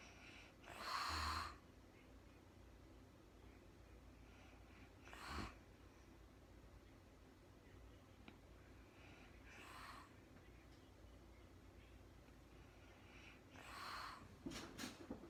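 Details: Woman recorded in real time sleeping, very tired, not talking: quiet, hushed sleep breaths with a few louder snorting snores among them; light snoring.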